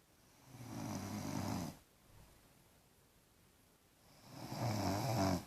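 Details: Daughter snoring in sleep, louder than the TV: two loud, rough snores on breathing in, separated by a quiet pause; heavy snoring.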